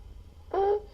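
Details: Sick child on a Friday-night EMS call: a single brief, high-pitched, honking airway sound, the barking cough and stridor of croup (laryngotracheitis).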